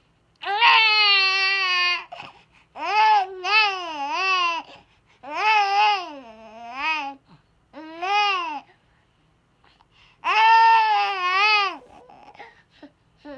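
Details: 10-month-old boy with Down syndrome having a cluster of infantile spasms (seizures): repeated clear wailing cries in short bursts separated by pauses. Onset was about ten days after his third round of vaccinations; the parent believes the two are linked.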